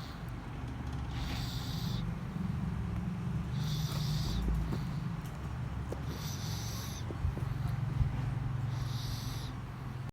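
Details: A sleeping 5-month-old baby girl gives low rumbling breathing with repeated soft whistling or snorting bursts over steady background noise; snoring.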